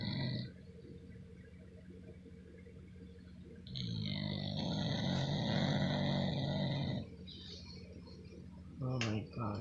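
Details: Young girl fast asleep, snoring heavily with deep, rattling, growl-like breaths, one long loud stretch among quieter noisy breaths.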